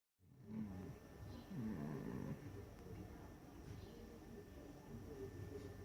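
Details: Low, rumbling, fluttering snores over steady background noise; snoring.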